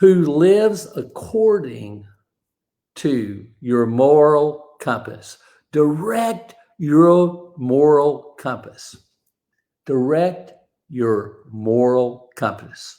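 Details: Aphasia after a stroke, described as an invisible disability; a bad morning reportedly affected his ability to talk that day; hesitations and garbled phrasing.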